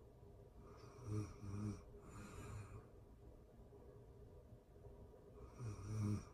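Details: Real-time recording of a person asleep: rhythmic low, rattling snores with breathing-out sounds between them, about 13 breaths a minute, over quiet room noise; snoring.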